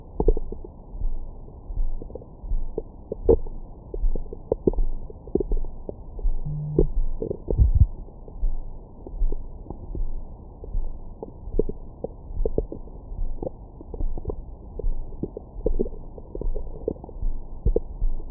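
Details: Active normal bowel sounds from the recorder's own belly after a large meal, recorded with a Stemoscope stethoscope microphone: low muffled rumbling, frequent gurgles and occasional squeaky notes.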